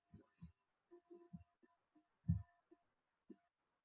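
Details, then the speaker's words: Soft low-frequency thuds with a faint extra sound just before S1, from atrial contraction in late diastole (active filling), heard with the stethoscope bell; fourth heart sound (S4 gallop), always pathological, e.g. ischemic heart disease. "es un sonido diastólico que tiene bajas frecuencias se produce en la fase de llenado rápido activo es como consecuencia la contracción auricular que te escucha justo antes del primer ruido cardíaco"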